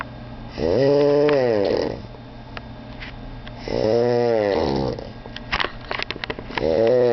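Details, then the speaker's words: Child snoring at 3 a.m.: loud, rough, buzzing sounds on each breath in, about 20 a minute, with quieter breathing between. "it is 3:00 in the morning and this kid is making noises that not even a [ __ ] animal will make"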